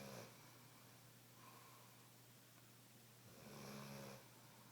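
Rough, low rattling snores on inward breaths, one cut off at the start and another about four seconds later, over steady room hum: snoring.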